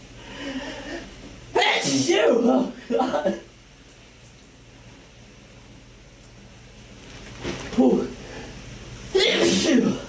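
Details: Several loud, explosive sneezes in an echoey shower, each with a sharp in-breath before it, brought on by a new vial of Chhinkni sneezing powder.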